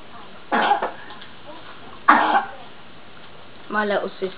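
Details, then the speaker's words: Child who is a little ill, coughing in the background: three short coughs spread over a few seconds; an ill child's cough. "a little bit ill so that's who you can hear coughing in the background"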